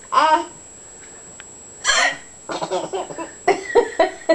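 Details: Mother's hiccups: a couple of sudden voiced hiccup sounds, each followed by her baby son's giggling laughter; ordinary hiccups.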